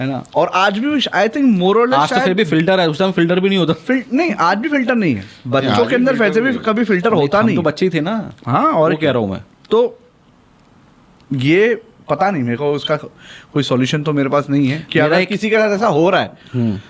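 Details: Adult man speaking Hindi; normal speech.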